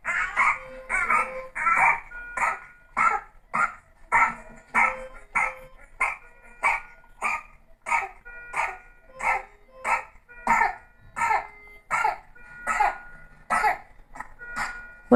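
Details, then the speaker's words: Child with pertussis (whooping cough): long run of rapid, repeated coughs, a paroxysmal coughing fit. "Eso es todo muchas gracias por su tiempo y les voy a mostrar aquí un paciente con tos ferina"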